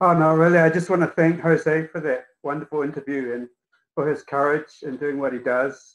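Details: Adult speaker; normal speech.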